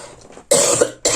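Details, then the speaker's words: Two abrupt, harsh cough bursts from an adult who says their cough has not passed and their voice is still weak, with quiet room noise before them. "Je m'excuse, ma toux n'est pas passée, et même si j'ai retrouvé ma voix , elle me manque tellement."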